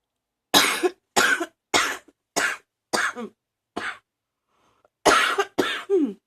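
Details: Ongoing cough attributed to allergies: a run of eight short, dry coughs, six in quick succession, then a pause and two more.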